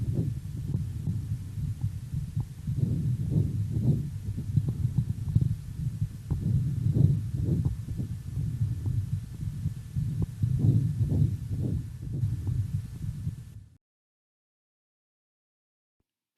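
Chest breath sounds through a stethoscope, with the in-breath broken into several short jerky pieces: saccadic breathing.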